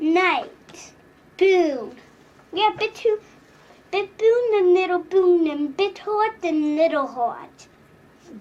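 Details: Phonological disorder (not childhood apraxia of speech) in a young girl: consistent, predictable sound substitutions and omissions without movement inaccuracy; good vowels, rate, melody and stress; she is starting to correct errors.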